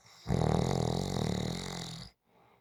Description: 5 minute clip of snoring. Just for Fun to rewind, relax